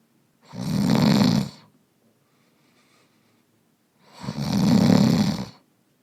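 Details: Adult man sleeping deeply in a real bedroom, binaural recording: soft breathing with occasional snore bursts and room tone; snoring.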